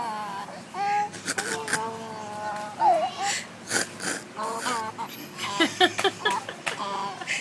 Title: Baby girl has hiccups